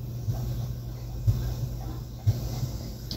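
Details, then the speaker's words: Simulated auscultation from a practice app: soft, muffled reduced-intensity heart sounds at about 60 beats a minute under a steady low hum. "nosotros podemos escuchar los sonidos normales del corazón [Música] también los sonidos del corazón de intensidad reducida"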